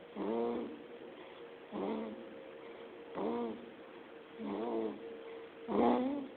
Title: Baby snoring